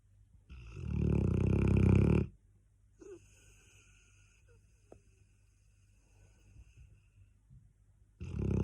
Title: Cane Corso Snoring LOUDLY! 😴🐷😂😍